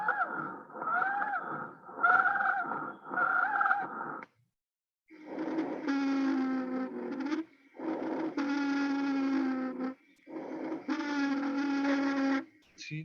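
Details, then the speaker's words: Slow, deep breaths with long musical whistling tones and pauses on expiration, described as an adult's wheeze (slower, deeper than a child's): expiratory wheeze. "cuando se oye ese tipo de silbido como si alguien estuviera silbando se le llama sibilancias"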